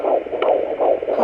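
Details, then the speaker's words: Pocket fetal Doppler on the lower abdomen at 17 weeks pregnant: fast, regular galloping whooshing pulses, about 150 per minute; fetal heartbeat. "what you're looking for it's a galloping sound so here you get you got it guys a galloping"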